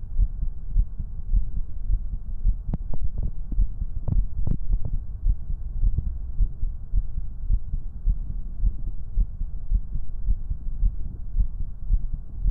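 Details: Heartbeat recorded close up with a binaural microphone: soft, steady low thumps under a constant hum, with a few brief sharp taps midway.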